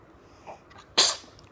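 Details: Baby sneezing: a soft intake of breath, then one sharp, hissy burst; a single small sneeze.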